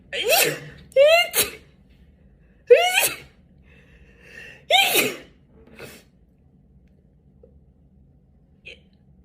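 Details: Young woman, tagged allergies and sinuses: a run of about four voiced sneezes, each preceded by a rising gasp, in a quiet room.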